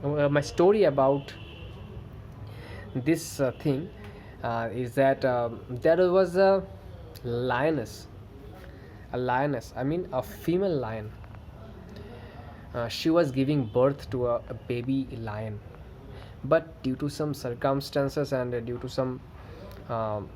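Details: Adult man who stammers, with variable severity across good and bad days; stuttering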